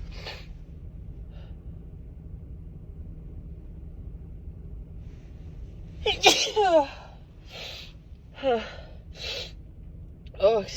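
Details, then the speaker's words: Adult female with a cold: after a quiet stretch, one sharp explosive sneeze with an inward gasp, then a few softer breathy sounds. "excuse me. That one didn't want to come out for a sec."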